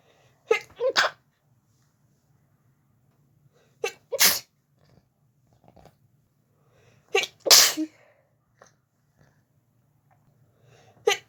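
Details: Person in bed trying to sleep, fit began after turning onto other side; four sharp sneezes, each with quick inhaled build-up, spaced seconds apart in quiet room: sneezing fit.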